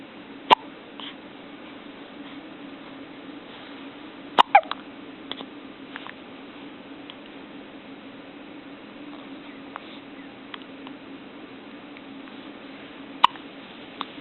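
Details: Newborn baby's hiccups: several sharp, brief hiccup-like clicks spaced irregularly over a quiet background with low hum.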